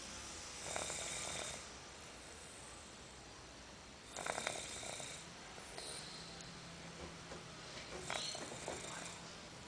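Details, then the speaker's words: A young child asleep in his cot, snoring "like an old man": three breathy, rattling, irregular, fairly soft snores over steady room hiss, recorded in the dark. "He's snoring a lot there."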